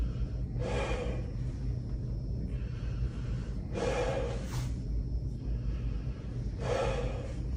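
Three slow, deep breaths through the mouth, each a soft airy rush, over steady low room rumble.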